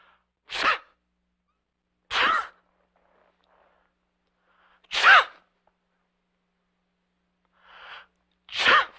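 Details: Sneezes from an adult man in a sound-effect recording: four sharp, explosive sneezes spaced a couple of seconds apart, with a faint breath between.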